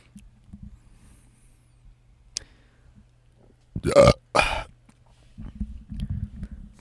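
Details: Adult man recording ASMR in a closet: two loud, throaty burps in quick succession in a quiet room, with soft handling noise before and after; ordinary belching.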